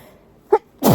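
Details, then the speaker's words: Person almost 30 in a chatty tissue sneezing fit, nose unusually itchy and irritated, not induced: a short voiced catch of breath, then the loud, forceful burst of a sneeze. "hey guys um so I got a request quite a few requests for like tissue sneezes um so we're going to do that"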